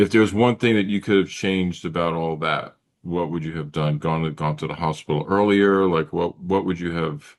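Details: Adult male speaker; typical speech.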